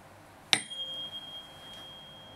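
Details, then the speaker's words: Rinne hearing test during a head-to-toe health assessment, done right after the Weber test: a tuning fork is struck, giving a clear, high ringing tone that slowly fades; the patient reports when the sound stops. "Let me know when you stop hearing it. No. This should be twice what it is on the bone when you hear it."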